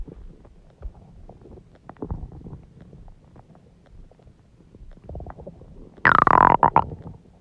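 Low gurgling rumbles building to a loud, drawn-out squealing growl; ordinary stomach growling.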